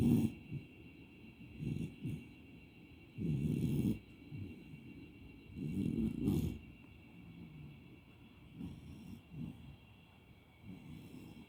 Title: Lazy Beagle puppy 🐶 Snoring